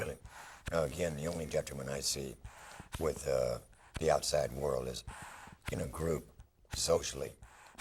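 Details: Laryngectomee who used a mechanical Cooper-Rand artificial larynx for eight years, then had a tracheoesophageal puncture and voiced immediately; tracheoesophageal speech.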